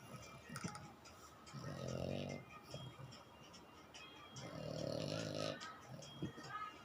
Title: Snoring French Bulldog